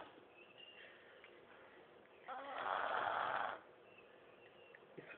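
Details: Sleeping 3-year-old girl: a single loud, rough, rattling snore of about a second over quiet room noise.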